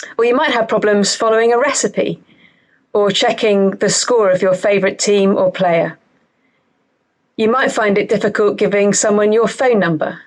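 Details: Adult woman speaking; normal speech.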